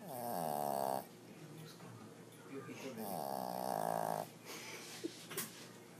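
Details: Heavy snoring: two loud, rattling snores about two seconds apart, with quieter breathing between.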